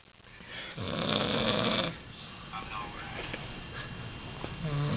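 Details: A drunk man napping gives one long, rattling snore lasting about a second, then softer breathing noise with faint background voices; snoring.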